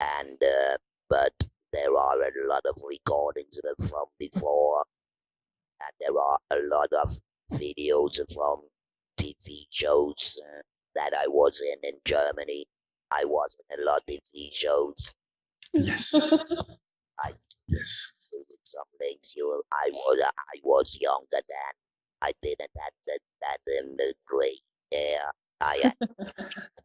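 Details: 66-year-old man, laryngectomy in February 2020, about eight months earlier, speaking with a neck-held electrolarynx whose button controls pitch and intonation; electrolarynx speech after laryngectomy.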